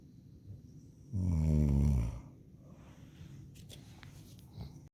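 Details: Loud, deep, vibrating snore about a second long, then quiet breathing; snoring.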